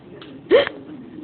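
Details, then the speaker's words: Baby with hiccups: a faint intake of breath, then a single abrupt, voiced hiccup with a quick rising squeak. "you got the hiccups oh no you have the hiccups oh no"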